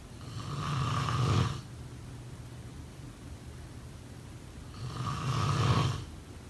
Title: #snoring #snoringsleepingsoundeffect #sleepsounds #snoringsounds #snoringasmr